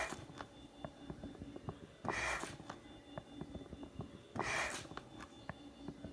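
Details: Homemade mechanical ventilator running 60 hours straight, the last 10 hours on a power pack: rhythmic rushes of air cycling steadily, faint mechanical clicking and a thin whine.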